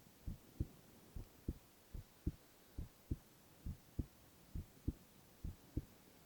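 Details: Silent ASMR recording of a male's continuous heart sounds: soft, steady lub-dub at about 68 beats a minute over a faint hum, no extra sounds between beats; normal heart sounds.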